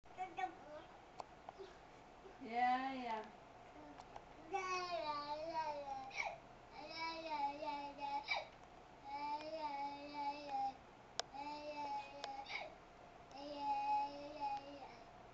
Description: my silly girl singing while having the hiccups!!